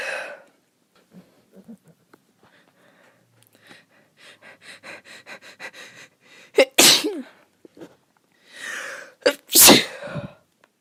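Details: Female with an itchy nose stifles several small sneezes with rhythmic catching breaths, many unsuccessful, leading into two loud, forceful open sneezes: stifled sneezing.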